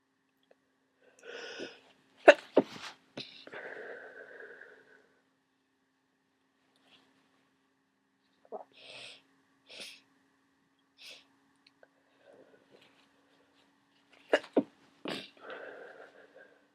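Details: Massive wet sneezing fit during a cold that isn't drying up: clusters of forceful, wet, explosive sneezes with snuffly congested aftersounds, a huge sneeze and nose blow at the end.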